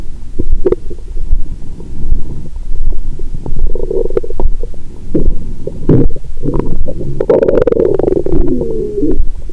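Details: Abdomen after a Christmas dinner with wine following a 22-hour fast; stomach rumbling constantly. Loud, near-constant gurgling and squelching with rumbles and bubbly trills: active bowel sounds after a meal.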